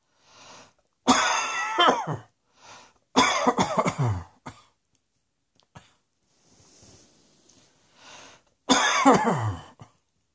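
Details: Three loud, harsh coughing fits with quieter breaths between them; repeated coughing.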